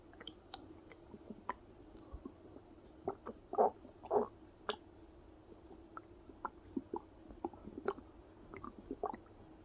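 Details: Adult's stomach growling heard close to the belly, partly on pressing it and partly on its own: irregular gurgles, squelches and a few longer rumbling bubbles over quiet room noise, ordinary borborygmi.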